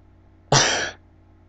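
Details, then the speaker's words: Self-induced sneeze: a single sharp, explosive burst about half a second long with a cough-like quality, which the person says their sneezes sometimes sound like. "Yeah, sometimes when I sneeze it sounds like a cough. So just don't pay attention to that."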